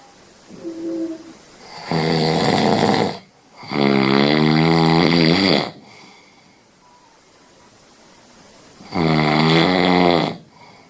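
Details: Sleeping Scottish Fold cat snoring: loud, buzzy snores with rasping inhalations, in bursts of one to two seconds.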